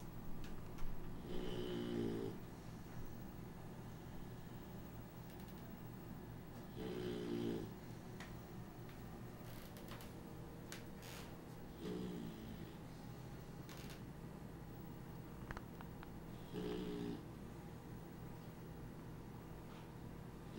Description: Beagles snoring and taking a nap near the AC vent. Too funny, turn up your volume because I didn't want to wake them up. Enjoy.